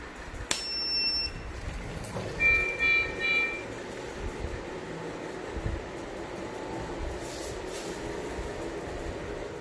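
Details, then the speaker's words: Oxymed mini oxygen concentrator switched on at main switch: click, short start-up beeps, then steady hum; starts at default preset 5 litres per minute, adjustable 0.5–5 L. "When you switch on the machine, it starts with 5 liters. Setting preset is default setting is 5 liter."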